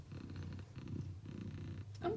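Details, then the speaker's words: Loud, low rhythmic rumbling snoring, close to a purr, from a female cat sleeping soundly on the parquet floor of an electrical cupboard; the owner says she snores extremely loudly. "C'est juste mon chat qui ronfle, oui j'ai un chat qui ronfle très fort. Je sais pas pourquoi, mais elle ronfle extrêmement fort."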